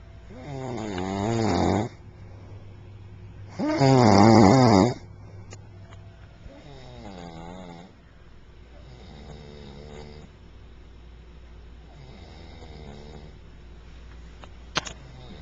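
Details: Woman asleep after a long day: loud rattling snores on inhaled breaths, two strong then softer ones, with quiet gaps between; ordinary snoring.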